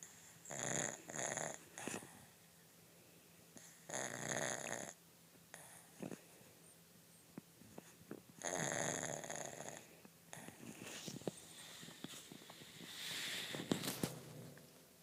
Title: Pug snoring in the darkness.